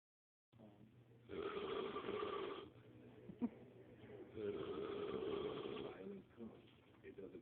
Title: snore any louder